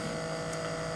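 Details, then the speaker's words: Old nebulizer compressor, repurposed as an aquarium air pump and powered by a 5-volt adapter, runs with a steady electric motor and pump hum, drawing air in one opening and pushing it out the other. "but you can have it running and I can tell that this is sucking air from this side and this is throwing you in this direction"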